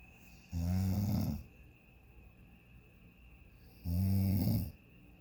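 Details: Person sleeping in a hotel room on vacation around 12:37 a.m., continuous "freight train" snoring: two loud, low, rattling snores on breaths in, about three seconds apart, quiet between; ordinary snoring.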